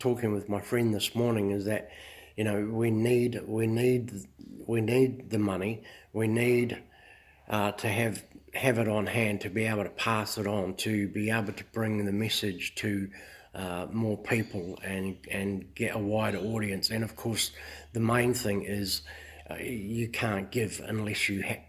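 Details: Adult male who says he stutters a little, making short videos to build confidence; stuttering.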